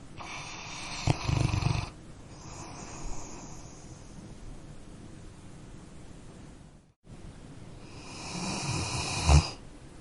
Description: Cute Sleeping Dog Snores - Copyright Free.